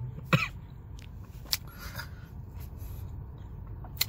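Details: Adult with an uncontrollable cough and shortness of breath, on cold medication, recorded inside a car: a single sharp cough, then faint clicks over a steady low car hum.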